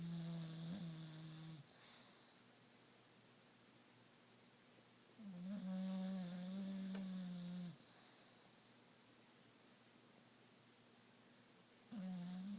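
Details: Slow, soft, tonal whistling snores about every six seconds from a sleeping bully-breed dog, separated by quiet pauses; gentle snoring.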